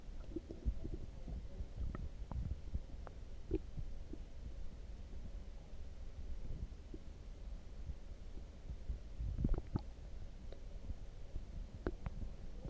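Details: Loud stomach growling after drinking coffee: continuous low gurgling, rumbling and bubbling from the belly with scattered pops; borborygmi, a normal gut sound.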